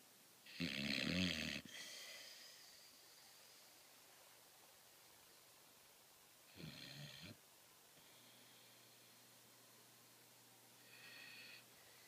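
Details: Sleeping female dog, a deep sleeper and a very loud snorer: one loud rasping "buzz saw" snore, then two softer snoring breaths several seconds apart, against quiet room noise. Dog snoring.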